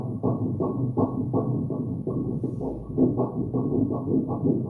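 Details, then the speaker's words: Two fetal heartbeats at 7 weeks in a twin (dizygotic, diamniotic) pregnancy, heard on color Doppler obstetric ultrasound: rapid, rhythmic whooshing pulses about 165 per minute; mother emotional. "Mom even got emotional here It's really emotional Two kids, with their hearts beating"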